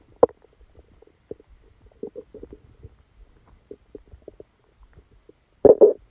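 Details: Irregular gurgles and short bubbling rumbles, louder gurgle at start and longer rumble near end: active bowel sounds (borborygmi) during a stomachache after Christmas dinner, recorded while the person slept.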